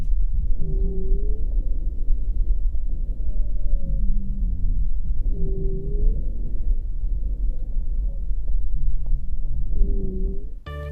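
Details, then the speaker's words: Low-pitched snoring, rumbling sounds repeat with each breath on chest auscultation: rhonchi, from airway wall vibration caused by turbulent flow through an obstruction; may be palpable as fremitus. "Roncos. Es un ruido de baja tonalidad que se produce por vibración de las paredes de la vía aérea generado por flujo turbulento por obstrucción."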